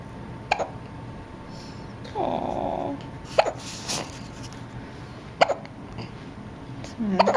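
Brief sharp catches repeat every couple of seconds between soft baby vocal sounds, typical infant hiccups, a common harmless event.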